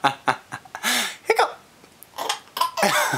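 Short, abrupt voiced catches repeating in quick succession, mixed with laughter in a small room; fits hiccups.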